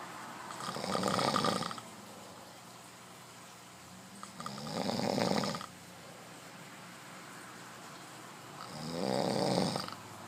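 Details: Male heavy snoring: loud, rattling snores on each in-breath about every four seconds, with quiet gaps between. Someone reportedly put water in his mouth while he slept.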